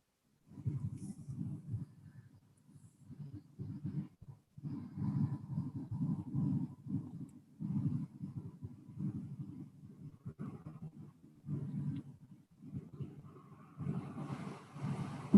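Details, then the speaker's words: Myotonic discharge on EMG loudspeaker, likened to a revving motorcycle: low, revving bursts that wax and wane in a basic EMG lecture. "this is the sound of the mitonic discharge because here's this is the picture when we freeze the screen myotonic discharge is waxing and whining waxing and whining"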